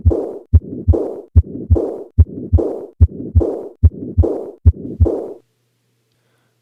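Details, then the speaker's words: Combined aortic stenosis and aortic regurgitation heard at the upper sternal border: two superimposed murmurs filling systole and diastole, sounding continuous, diastolic component slightly louder; regular heartbeat near 73/min. "this is an example of two murmurs superimposed on one another listen again at the upper sternal [Laughter] border so what pathology is causing this this is combined aortic stenosis and aortic regurgitation"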